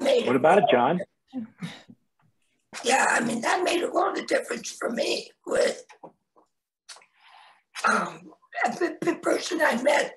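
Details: Tracheoesophageal speech from a head and neck cancer survivor 25 years after total laryngectomy, performed in 1996 at age 41 with a primary tracheoesophageal puncture and secondary voice prosthesis placement.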